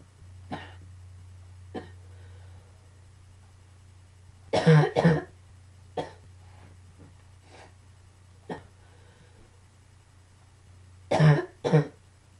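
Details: Coughing fit combined with allergies: scattered short coughs with two clusters of stronger double coughs over a steady low room hum.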